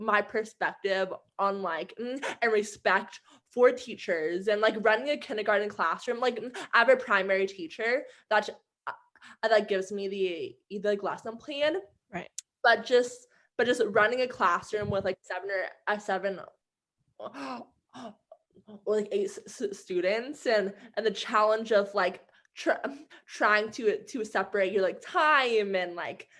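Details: Stuttering in an adult woman who stutters and is training to become a speech-language pathologist.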